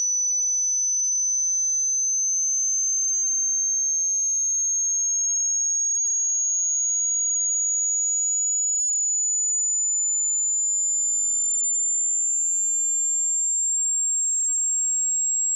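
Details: Simulated tinnitus pitch-matching sweep, a steady, very high, whistle-like pure tone slowly rising in pitch within a 100 Hz to 16,000 Hz sweep, played by an audiologist for matching tonal tinnitus, meant for headphones or good speakers.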